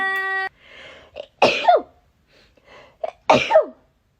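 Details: Two sharp sneezes, each with a brief indrawn breath before the burst, after a short beep; ordinary sneezing from a K-pop group member, with "bless you" spoken around it.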